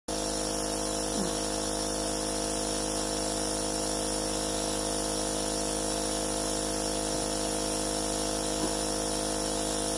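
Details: Steady mechanical hum and hiss from a running nebulizer compressor during a treatment.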